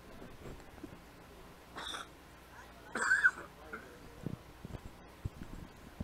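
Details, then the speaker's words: Two brief, dry cough-like bursts from an adult commentator, who mentions still having "curling club croup", heard against quiet arena background noise during a curling broadcast; cough. "me if you hear that cop I still had the curling club croup as Roger calls it"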